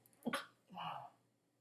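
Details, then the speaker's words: A single sneeze from an adult woman mid-speech, just before taking a sip; she says she sometimes gets itching and sneezing: a sneeze. "I was going to take a sip. Now I got to sneeze. Excuse me,"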